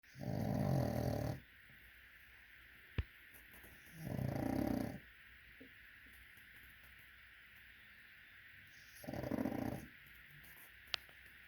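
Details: Sleeping small dog snoring loudly: three long, rough, rumbling noisy breaths with quiet pauses between them.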